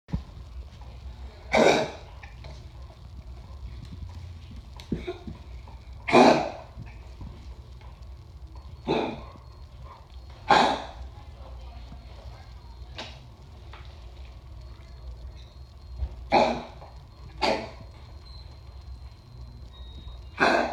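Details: A sick dog with congestive heart failure gives about nine short, harsh coughs at irregular intervals: cough in canine congestive heart failure.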